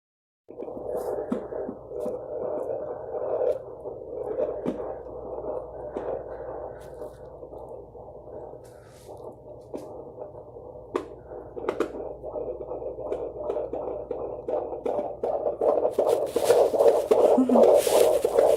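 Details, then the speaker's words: Fetal heartbeat recorded on the doctor's Doppler in a viable pregnancy: rapid, steady, strong, rhythmic whooshing pulses, about 152–158 beats a minute, within the normal range. "it's way more stronger it's way more rhythmic it's way more expected of how it's supposed to sound um and you can definitely like catch on like yep that's baby's heartbeat"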